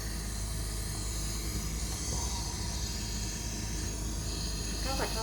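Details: Carer CR-P5W home oxygen concentrator switched to nebulizer function, with the nebulizer set and mask attached for giving medication: oxygen concentrator running in nebulizer mode.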